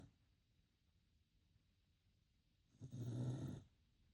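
One low rumbling snore lasting under a second on an in-breath, then quiet; a sleeping puppy snoring, a harmless sound.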